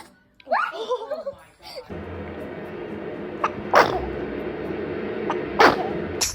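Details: Funny baby sneeze: two short, sharp sneeze bursts after a brief vocal sound, with steady room noise in the background.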